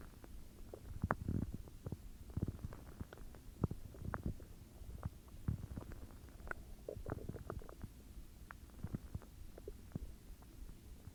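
Quiet, low gurgling and bubbling with scattered pops over about eleven seconds: ordinary stomach growling.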